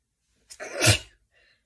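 A single sharp sneeze, a short intake then an explosive burst of air, in a quiet room.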